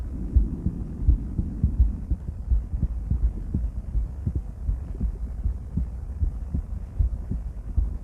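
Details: Female heart auscultated with different stethoscopes at Erb's point, mitral, tricuspid, aortic and pulmonic areas: steady low lub-dub about 80 a minute with faint hum; normal heart sounds.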